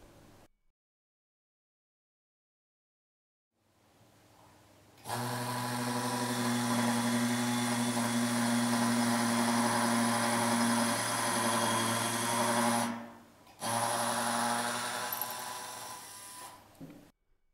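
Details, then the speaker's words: 2.0 mm pilot drill boring the initial implant hole for a MEDENTIKA MicroCone implant (4.5 × 13 mm), region 36, third quadrant; steady mid-pitched motor whine about eight seconds, brief pause, then resumes; maximum speed 800 noted. "El orificio inicial se realiza con la broca piloto de 2,0 milímetros."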